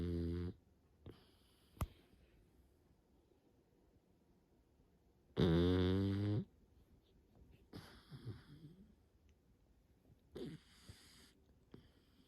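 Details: Sleeping dog snoring: a long, rumbling snore among softer breathing sounds and snuffles in a quiet room.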